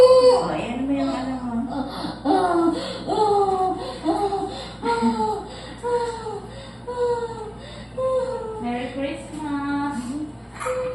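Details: Repeated high-pitched crying bursts from a newborn moments after a natural unmedicated home water birth, with faint room noise.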